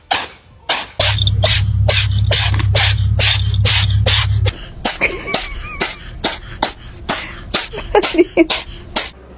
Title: Cat sneezing#funnycats #funnyanimals #petvideos #cat #usa #longervideos